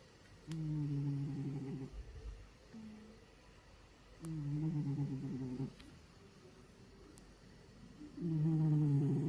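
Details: Cat snoring in deep sleep: low, rattling snores, about three long ones in nine seconds, with quieter breaths between; ordinary sleep snoring.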